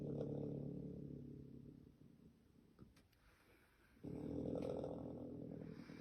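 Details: Sleeping raccoon snoring: two long, fluttering snores separated by a quiet pause.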